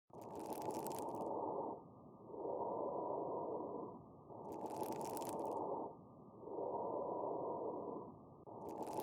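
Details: Fine crackles (rales): steady breath cycles with fine, crisp, high-pitched crackling mainly on inspiration, an abnormal lung sound.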